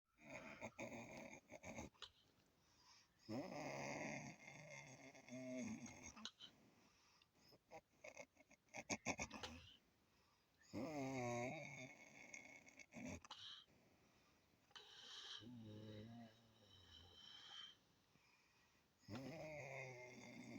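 Loud, irregular snoring breaths with fluttering, throaty rattles and gaps between them; heavy snoring during sleep.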